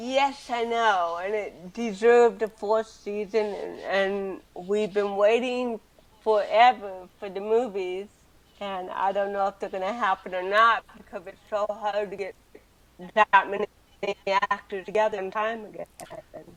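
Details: Adult woman with cerebral palsy from birth, speaking in a real 2013 interview; dysarthria (cerebral palsy).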